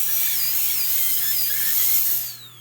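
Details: Dental high-speed handpiece with a 330 bur removing decay along the tooth groove during an amalgam (silver) filling: a continuous high-pitched whine, pitch wavering with load, then winding down.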